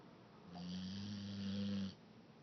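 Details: One long, low, steady snore of about one and a half seconds from a sleeping pit bull dog; snoring.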